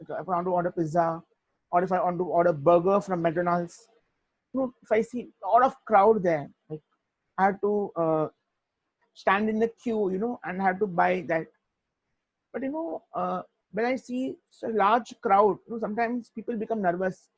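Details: Young adult man who stutters: stuttering.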